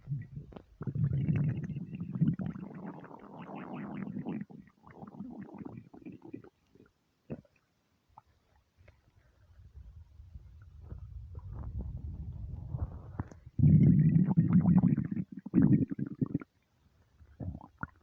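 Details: Long, low gurgling and growling stomach rumbles in bursts with silent gaps, from a starving stomach; hunger rumbling, a normal bowel sound (borborygmi).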